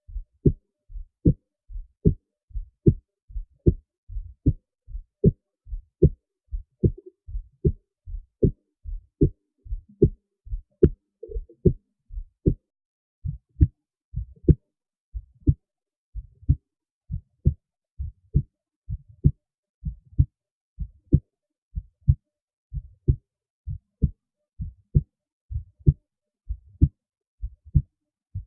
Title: Auscultation for Request ^^